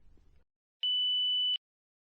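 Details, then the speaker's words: Philips HeartStart FRx AED demonstration: pressing the green on/off button gives a single steady high beep lasting under a second, the defibrillator's power-on tone before voice instructions begin. "to start the defibrillator press the green on off button and follow the heart start frx's voice instructions"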